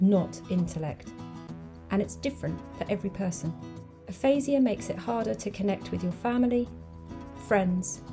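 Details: Adult female speaker with background music; ordinary speech.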